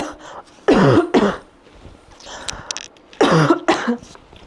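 Two paired bursts of harsh throat clearing and coughing from an adult, with quiet room sound between.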